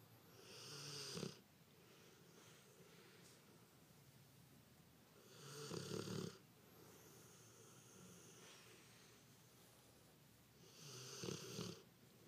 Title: Snoring pitbull